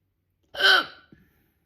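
A single loud, abrupt voiced hiccup with a quick gasping onset, followed by a faint catch.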